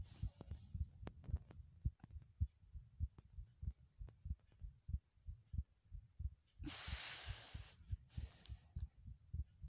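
Steady low thumping heartbeat, roughly 120 beats a minute, with a brief hiss of noise partway through.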